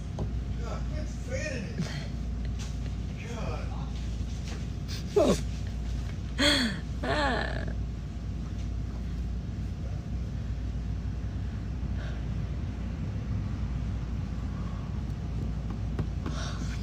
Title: Young TikTok lady with loud and sharp hiccups!